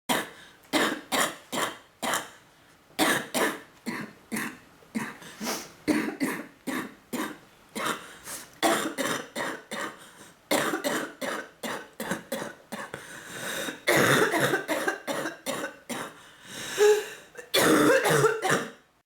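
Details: Adult with bronchitis on medicine and oxygen, with little effect, plus pounding head and mid-back pain: repeated harsh coughing fits, several dozen bursts over about twenty seconds with brief pauses.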